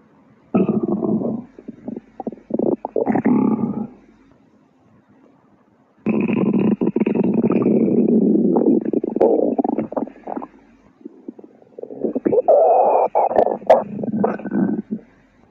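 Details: Loud, long gurgling and rumbling bursts of stomach growling with quiet gaps between them; stomach growling (borborygmi).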